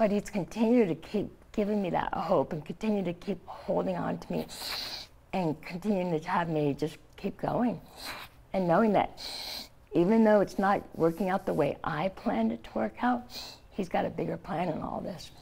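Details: Adult woman, stage 4 epiglottic cancer survivor, treated with surgery, chemotherapy and radiation; scar-closed airway, open tracheal stoma covered by thumb to speak; partial glossectomy for tongue cancer, no teeth or saliva glands; mildly slurred speech with tracheostoma voicing.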